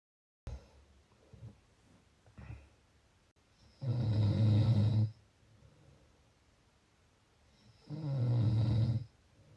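Loud, rough, low-pitched rattling on two breaths in, about four seconds apart, with quiet breathing between: snoring.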